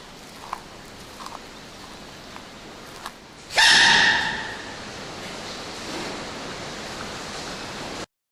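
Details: Animal sneeze from a compilation: one sharp, hissing burst of breath fading over about a second against steady outdoor noise.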